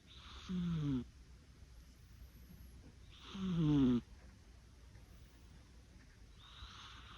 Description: a cat's cute snoring